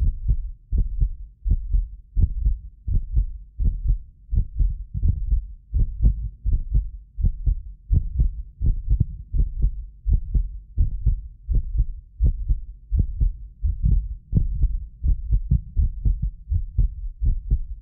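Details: Heartbeat of a medically fit person recorded with several precision contact microphones: steady, regular paired thumps about 80 a minute; occasional doubled clicks are a ~6 ms microphone-delay artifact. Normal heart sounds.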